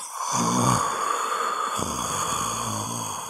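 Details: Sound-effect recording of people snoring: two deep, rattling breaths with a low, fluttering vibration on each, separated by a quiet pause, over faint steady background hiss.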